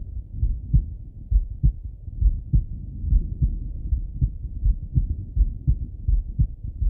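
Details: Male heart auscultation through a stethoscope, recorded either sitting at a desk or lying in bed: regular low heart thumps, about 70 beats a minute, steady rhythm; normal heart sounds.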